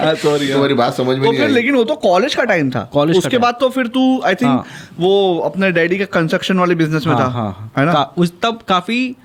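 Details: Adult speaker in conversation; normal speech.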